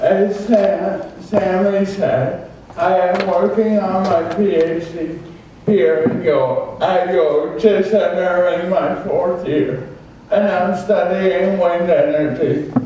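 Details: Adult male with cerebral palsy from oxygen loss at birth (umbilical cord around throat), a type involving muscle stiffness and irregular movements; had extensive speech therapy; dysarthria (cerebral palsy).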